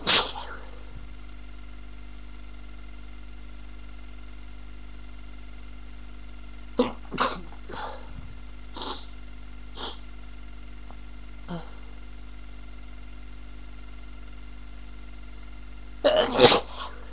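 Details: Person with a cold, congested and on a second sneezing fit: a loud sneeze, then softer catching breaths and small sneezes, and a final loud sneeze; repeated sneezing.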